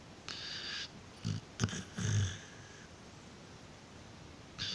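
Soft rumbling breaths with a faint snort while a dog sleeps; light snoring, with a high whistly tone on some breaths.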